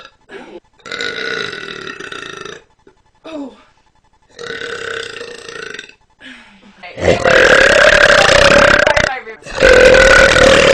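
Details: A run of long, loud, rumbling voiced belches, the last two much louder; repeated burping.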